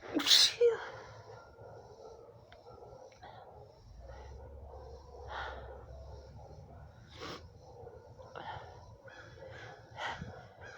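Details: Woman with allergies, with itchy red eyes and an itchy throat, gives one forceful sneeze, then several softer sneezy bursts and sniffs in a quiet room; an allergic sneezing fit.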